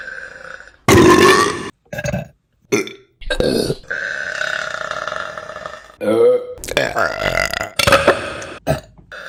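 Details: Repeated loud, drawn-out throaty belches separated by short pauses; burping.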